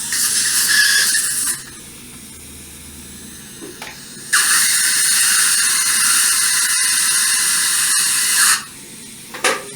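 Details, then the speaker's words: High-pitched whining bursts of a dental implant drill with hissing spray, starting and stopping, during final drilling along the palatal wall of a maxillary anterior extraction socket for implant placement with GBR. "During drilling, if you don't like your spot drilling angulation, you can, so at that time you can change the angulation by using side cut drill. And final drilling was done."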